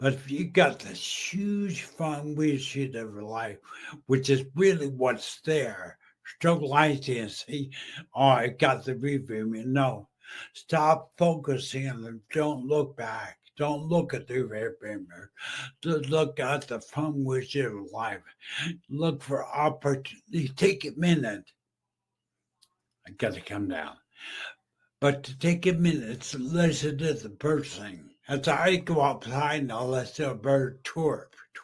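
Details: Adult male stroke survivor with brain injury, previously mute, in a wheelchair for about 15 years, with an ongoing speech deficit; aphasia after stroke.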